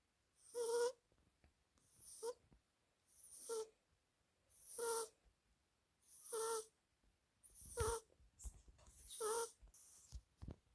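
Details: Sleeping British Shorthair cat: seven regular, slightly whistling snores with quiet gaps, roughly 40 a minute; ordinary snoring.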